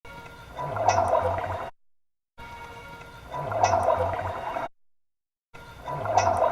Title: Old Yellow Labrador Dog Stomach Growling